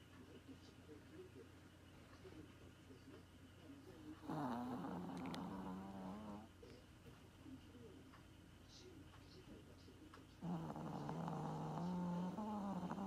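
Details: Sleeping Maltese puppy snoring like an old man: two loud, drawn-out rattling snores with a low buzzing tone over quiet breathing; snoring.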